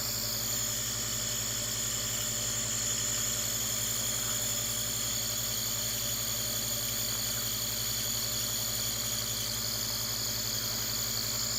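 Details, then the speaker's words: Nebulizer compressor running, demonstrated with a child using it: steady loud motor hum with buzzing whine and constant hiss, unchanged throughout. "I'm going to attach a clip of Brighton just using the nebulizer for a few seconds just so you can see what it looks like"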